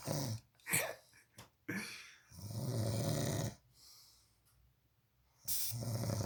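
Loud, low rattling snores in irregular bursts with quiet pauses between them, in a small room; typical snoring.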